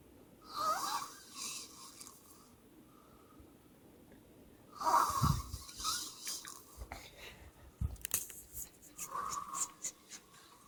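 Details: Snoring in a sleeping female: slow, noisy snoring breaths with a whistling, wheezy edge, about 14 per minute.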